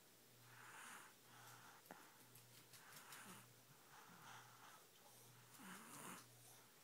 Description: Snoring baby sleeping